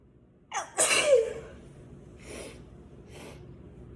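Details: Sneeze: a quick in-breath, then one forceful explosive sneeze, followed by two faint breathy sounds in a quiet room.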